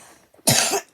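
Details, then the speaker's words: A single short, loud cough from a child who has a cold; cough. "posted sorry about the cough I um FW up the other two days and now I'm stuck with this cold"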